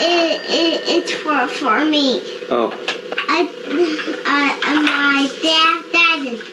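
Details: Phone-call scene shown by a clinician as an example of primary and secondary stuttering behaviors: core disfluencies plus escape and avoidance behaviors such as interjections and word substitutions; stuttering.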